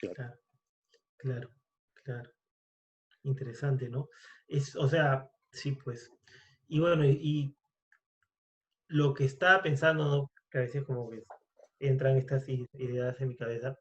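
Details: Stuttering in a Spanish-speaking man introduced as a person who stutters, speaking in a podcast conversation about stuttering.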